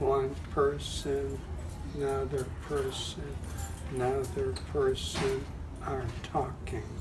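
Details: Adult speaker; aphasia.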